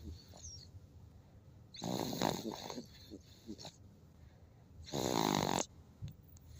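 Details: Baby snoring: two loud rattling snores with quieter breathing between them, in a small child asleep.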